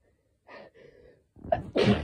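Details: Quick indrawn breaths building up, then an explosive sneeze from pollen allergy; nose very itchy and sensitive, sneezes partly induced; allergic rhinitis.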